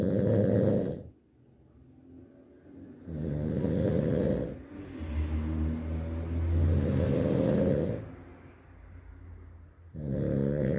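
Loud, low rattling snores on each breath, about 17 a minute, with quieter pauses between them.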